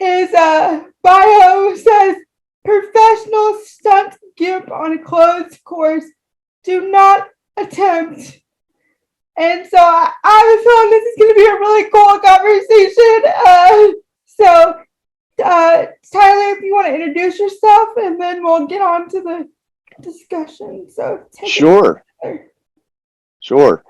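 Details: Woman with cerebral palsy, moderate to severe, affecting all four limbs and her speech; dysarthria (cerebral palsy).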